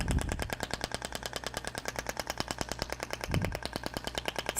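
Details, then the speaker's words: THORK radial extracorporeal shock wave therapy applicator firing its last shots over muscle during a live practical training. A rapid, steady train of sharp clicking pulses, about three per second. "tá então ó tô distribuindo aí esses últimos disparos eu vou fazer"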